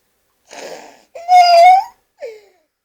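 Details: A female cat taken to the vet for wheezing, later judged alright, makes a raspy breath then a drawn-out whistling, squeaky tone and a brief squeak: wheezing.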